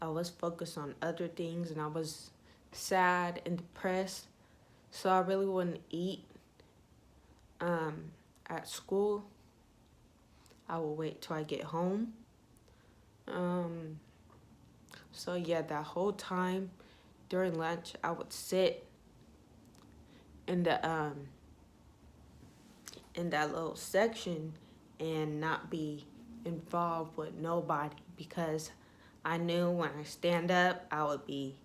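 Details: Young woman with ataxia (she says type 46), symptoms beginning in her high school junior year, who says her voice trembles whenever she talks; voice tremor with ataxic dysarthria.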